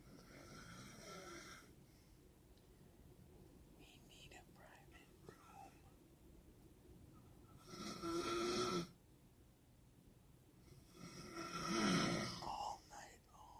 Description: Her roommate snored so loud that the nurses actually heard it down the hall and arranged a relocation.